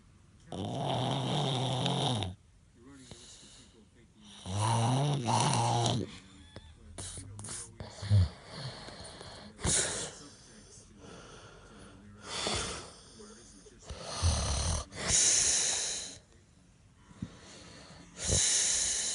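Loud, rough snores recur irregularly over about 19 seconds, with quieter breathing noises between them. Ordinary snoring.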